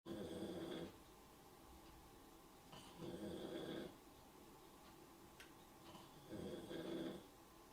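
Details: Person snoring during a live stream: rough, rattling snores on each in-breath, about 19 a minute, with quiet pauses between; snoring.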